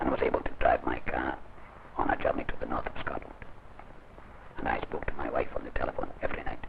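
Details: Man after surgical laryngectomy using trained esophageal speech, swallowing air into the gullet, off his writing pad 2.5 months post-operation; scenes possibly dramatised; esophageal speech after laryngectomy.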